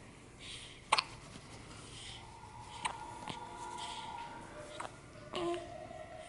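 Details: Young child with hiccups: several sharp, brief catches of breath over a few seconds, with faint room noise and babbling.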